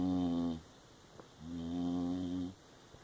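Two drawn-out, humming, tonal snoring sounds with a short pause between; a dog snoring in its sleep.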